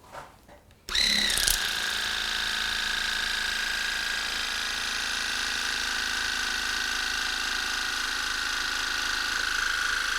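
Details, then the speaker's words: Steady high-pitched motor whine with rushing water: ear irrigation with water on a low setting to remove earwax before a hearing aid check, after a curette caused an abrasion of the ear canal. "so I'm going to irrigate it instead with water"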